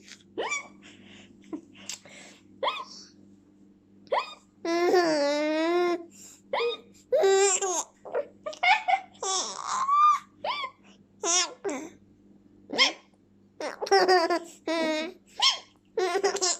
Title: Baby laughs at hiccups!